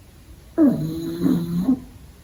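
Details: A pug puppy sleeping during the day gives one drawn-out, low, buzzy snore just over a second long, rising slightly near its end, in a quiet room; finding: snoring.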